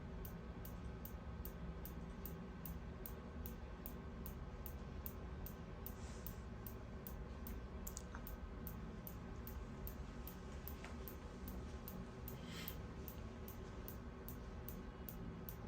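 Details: Steady, rapid, regular clicking of a focused shockwave device firing low-intensity pulses over a low room hum; diagnostic scan of the heel for plantar fasciitis in a woman with long-standing heel pain, held about 5 seconds on tender spots.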